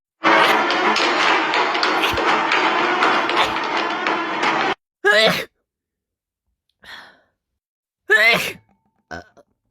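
A burst of loud music, then two short explosive sneezes with brief vocal sounds between; ordinary sneezing.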